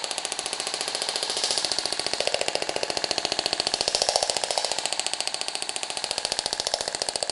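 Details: Radial shockwave therapy device firing while treating fibrotic cellulite on a patient in position, after imaging showed fibrosis in the region: rapid, steady mechanical clicking pulses, about 15 a second.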